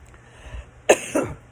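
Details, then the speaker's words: Single dry cough in two quick bursts from an adult speaker after talking a long time; cough. "cough tells me I've been talking too long"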